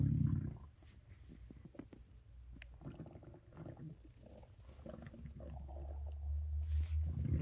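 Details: Stomach growling (borborygmi): deep, drawn-out rumbling and low growls with some faint gurgles.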